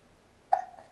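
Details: Person sitting at a table with a persistent case of hiccups; a single short, sharp catching sound in a quiet room, a hiccup.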